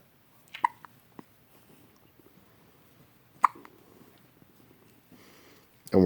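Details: A 1-day-old newborn hiccups: two sharp, brief catching sounds about three seconds apart in a quiet room.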